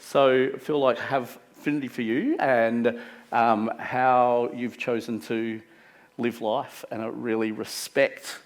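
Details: Adult man speaking; Ordinary speech.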